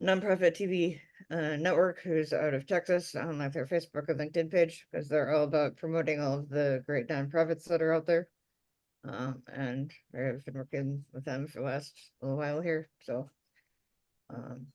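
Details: Adult speaker; normal voice.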